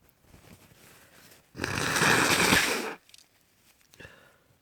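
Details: Sleepy person with a cold sneezing: one loud, prolonged, hissing sneeze of about a second and a half between quieter breathing sounds.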